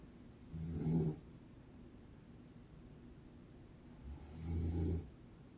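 Two loud, rumbling snores about four seconds apart, each ending in a hissing out-breath, with quiet in between.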